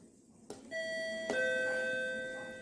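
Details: Two-tone ding-dong chime from a hospital nurse call bell system, with bedside, toilet and ICU units and a wireless display, signalling a patient call; nurse call bell chime.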